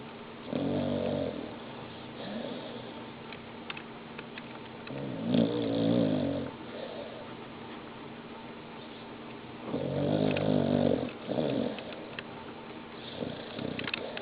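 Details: An animal sleeping while snoring: rough, rattling snores about every four to five seconds over a steady background hum; snoring.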